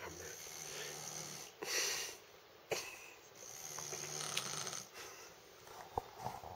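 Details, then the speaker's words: Slow, rough, rattling snores with a low buzzing flutter about every three seconds from a sleeping adult, over faint room noise; snoring. "Can you hear that snoring?"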